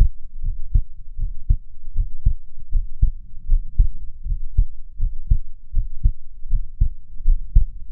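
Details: A real, nearly unedited recording of the person's own heartbeat at 78 bpm, with slow breathing; normal heart sounds.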